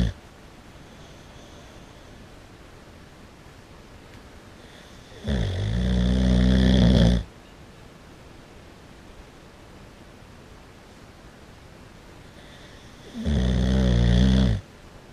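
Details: Boxer dog asleep with its eyes open, snoring very loudly: two loud, rough, low snores with quiet pauses between, about four breaths a minute.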